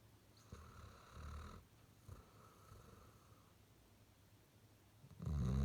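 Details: Great Dane snoring during sleep: quiet, low rumbling breaths in a slow rhythm, soft snoring.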